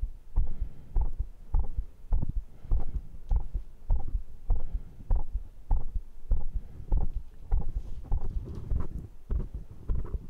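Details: Steady, regular low thumping heartbeat at about 100 beats a minute, self-recorded by microphone between muscle-training rounds. The rate was 122 just after arm curls and 99 shortly after: a normal heart running fast after exercise.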